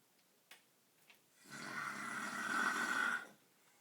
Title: Snoring Husband!